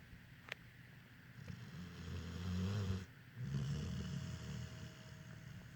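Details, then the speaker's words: Sleeping dog snoring heavily: deep, rumbling low snores, two long breaths in a few seconds, light room noise. Snoring. "we have a dog or a bear uh I was talking to Aaron on his phone not on his phone on skype and in the background I could hear like what what I assumed was his dog snoring but it really sounded like some slumbering ancient beast"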